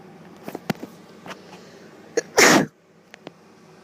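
A short hissy in-breath, then a single sharp sneeze burst, with a few faint clicks and sniffs around it in a quiet room.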